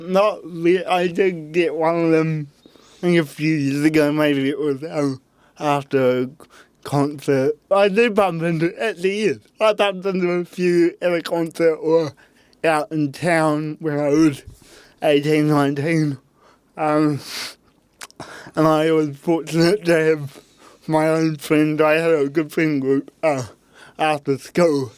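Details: Adult man with cerebral palsy since birth, parents told at birth he would likely never walk or talk; dysarthria (cerebral palsy).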